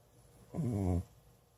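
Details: Old adopted cat that snores loudly enough to wake its owner: a single short, low, buzzing snore about half a second long while sleeping; snoring.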